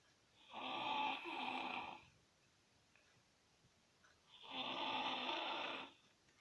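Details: A sleeping toddler in a quiet room: two soft, breathy, hissing snores with quiet pauses between them. Light snoring.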